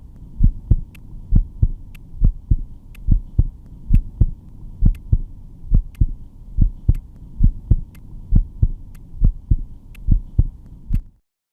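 Regular paired thuds of the heart through a stethoscope, about 70 beats a minute, over a low steady hum.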